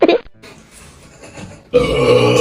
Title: Challenge to drink Coke without burping p11 #funny #shorts